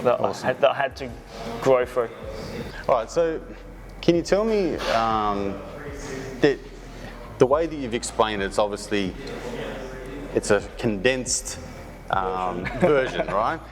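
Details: Adult male speaker; no speech disorder.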